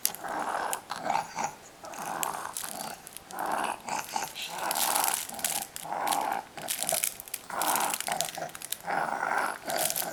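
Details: Five-month-old boy, a "happy wheezer": loud, rattly, growl-like noise rising and falling with each rapid breath; it later faded, with none heard during sleep by nine months: infant wheezing.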